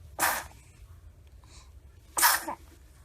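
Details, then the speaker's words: Baby sneezing: two small, sharp sneezes a couple of seconds apart, followed by "bless you"; ordinary infant sneezing. "Bless you. Bless you. Oh, that was just the cutest thing I've ever seen."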